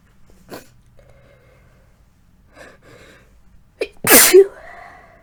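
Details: Quiet sniffing and a catching in-breath build to one loud, explosive sneeze with a voiced tail; a deliberately induced sneeze during a lingering cold with throat symptoms and coughing.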